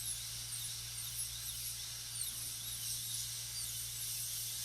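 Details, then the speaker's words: High-speed dental handpiece with a diamond bur reducing the lingual cusps in a full gold crown preparation on tooth number 30: a continuous shrill whine with wavering pitch as it cuts, over a low room hum. "Start in the embrasures. Come around into the groove, from this groove, cut around into this embrasure, and then up here, ultimately coming down into that embrasure."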